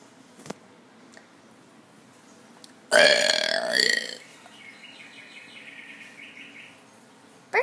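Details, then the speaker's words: Deliberate burp done on camera by the uploader: one long, loud, voiced belch, with faint room noise and bird-clock chirps in the background. "Hello everybody, I'm going to do more burps."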